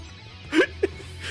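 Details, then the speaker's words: Small pet cat gives one quick, soft sneeze, then a faint follow-up burst, over low background music. "Bless you. Was that a little sneeze? Oh, baby. Oh, bless you."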